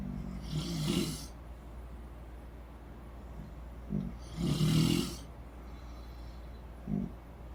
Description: my mother and sister, who both swear they don't snore, on our vacation. sounds like a couple of busted chainsaws to me